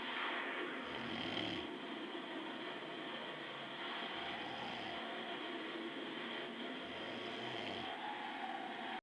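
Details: Adult snoring in sleep (dad), rough low snores repeating about every three seconds, roughly 20 breaths a minute, over steady room hum.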